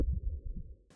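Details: Fetal heartbeat heard on the ultrasound machine during a pregnancy assessment scan, heart seen pumping nicely, fetus head down: fast, rhythmic whooshing pulses, a normal fetal heartbeat.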